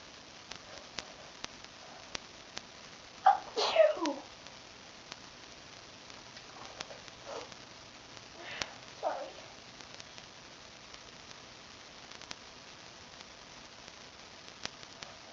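A quick pair of sharp, explosive sneezes, followed by fainter sniffing sounds, over steady background hiss.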